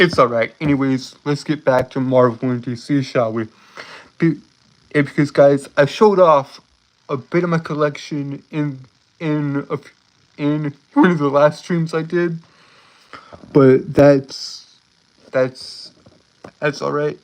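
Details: Stuttering in an adult male live-streamer who says he has a speech impediment and stutters a lot.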